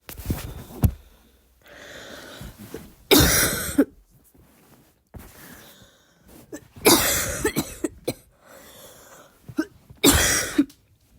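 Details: An adult imitating a barking cough: three harsh, loud cough bursts with audible breaths between them, in a small quiet room.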